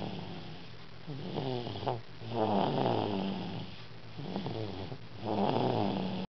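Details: Snoring from a sleeping 2-year-old girl: rhythmic, rattling snores with a buzzing, gliding pitch, about 20 breaths a minute.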